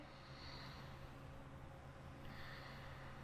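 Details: Stethoscope over the anterior chest along the midclavicular line, from just below the clavicle to the third rib, while the patient takes deep breaths and sides are compared; soft, quiet breath sounds: normal vesicular breath sounds.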